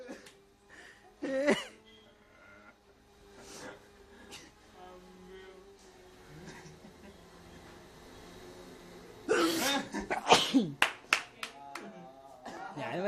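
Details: An adult sneezes several times in quick bursts after inhaling a Unani nasal powder through the nose, with nearby voices and laughter.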